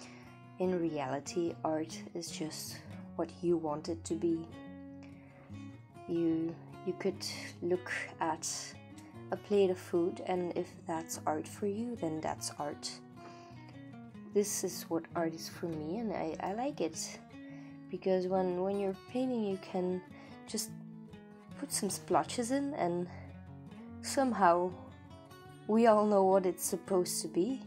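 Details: Adult woman, non-native English speaker living in Belgium, with a stutter she says she does not usually have, arising from nervousness about being recorded; stuttering.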